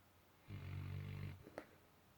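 A single low, rumbling snore lasting about a second, followed by a small click, in a quiet room.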